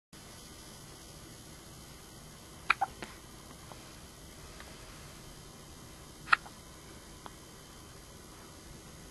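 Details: A few short, sharp, gulping catches spaced irregularly against quiet room hiss, from a child: hiccups.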